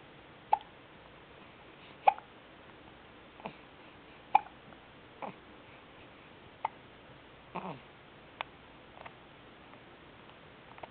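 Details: 3-month-old baby girl hiccuping while being played with: soft, abrupt hiccups, about eight in eleven seconds, roughly 25 a minute, slightly irregular, in a quiet room; hiccups.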